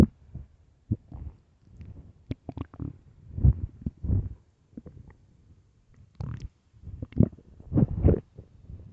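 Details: Early morning stomach sounds recorded for headphones; low gurgling and rumbling bursts with brief pops and squeaks, irregularly coming and going: stomach growling (borborygmi).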